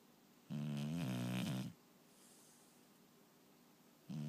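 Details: One low, rumbling snore lasting about a second, with a second snore beginning at the end, in a quiet room. Snoring.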